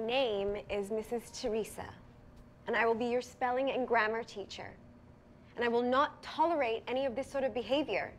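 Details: Adult woman, acted scene; typical speech.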